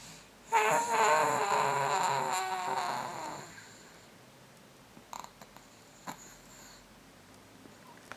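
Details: Baby boy in deep sleep: a single fluttering, vibrating breath sound that fades into quiet breathing with small clicks; snoring.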